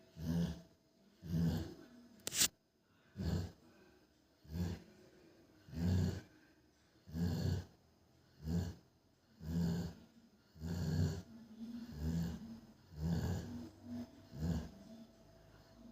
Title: ssshhhh🤫 she is snoring#dog #dailyvlog #sleepsounds #rottweiler #snoring #snoringasmr